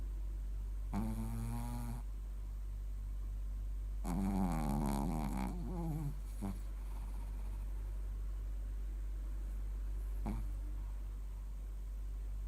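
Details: A sleeping Shih Tzu dog snoring: two low, buzzing snores on inhalation, then short snorts, over a steady low hum.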